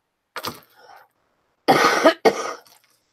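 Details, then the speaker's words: Three short, harsh coughs with no rattle or wet sound from an adult recovering from an illness who still has a runny nose and thinks the cough comes from it; dry cough. "I've got this dry cough which is totally annoying and I apologize in advance but I think it's just from my nose running so much"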